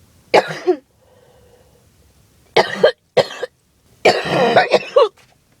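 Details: Four or five harsh, raspy coughs from an adult with a cold, separated by short quiet pauses: harsh cough.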